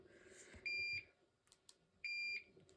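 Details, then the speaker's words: Curlin infusion pump sounding two high-pitched electronic beeps about 1.4 seconds apart, alerting because the patient is not yet hooked up after the tubing is set up for a lactated Ringer's and dextrose infusion. "pump is getting angry at me here cuz I'm not hooked up to it"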